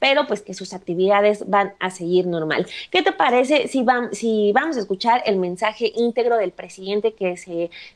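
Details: Adult woman speaking; Normal voice.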